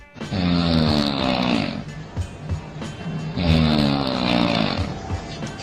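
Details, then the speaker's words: A woman's heavy snoring, recorded by her husband: two long, loud, rattling buzzes on the in-breath, separated by quieter breathing, with faint background noise. "Video अपनी बीवी के खर्राटों से परेशान होकर एक लाचार पति ने रिकॉर्ड की थी ए जिसमें इस औरत के कर्नाटक की आवाज सुनकर ऐसा लग रहा है जैसे मानो यहां पर कई सारे स्वेटर फ्लैट के साथ कोड रहे हैं"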